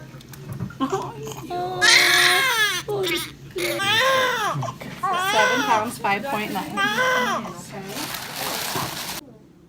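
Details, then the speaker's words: Vigorous newborn baby boy crying in hospital just after an unmedicated birth, with no epidural and under ten minutes of pushing: strong rising and falling bursts of crying, brief pauses for breath, faint room sounds. "so what up guys in the hospital right now he's just had the baby my wife wanted me to vlog"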